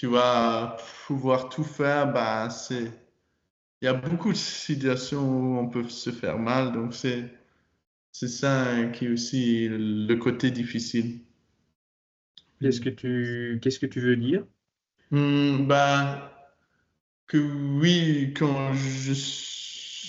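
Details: Stuttering in a 22-year-old man speaking French; he began actively working on his stutter in his final year of high school, which he says changed it a lot.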